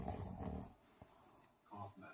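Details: A man (brother or boyfriend) snoring while sleeping: a loud, rough, rumbling breath, a pause, then another rattling breath, with room noise in the background; snoring.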